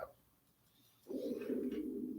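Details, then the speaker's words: Low, gurgling, cooing rumble of ordinary stomach growling in an adult man anticipating a burger lunch. "my stomach is growling did you hear that"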